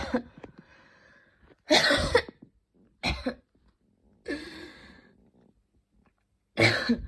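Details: Evening coughing fit before bed, unusually intense, person becoming hot: four harsh, forceful cough bursts in quick succession with brief pauses; intense coughing fit.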